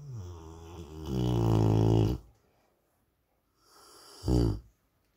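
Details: Sleeping Rottweiler dog snoring: a loud, rumbling snore on a long breath, a pause, then a shorter snore.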